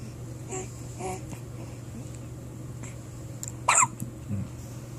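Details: Steady room hum with a few brief, soft catches and one sharper jerky sound: a first episode of hiccups.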